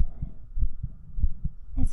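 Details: Heartbeat in a 3Dio binaural ASMR stream highlight, soft low regular paired thumps at roughly 80–90 per minute, heard close to the chest; an ordinary heartbeat.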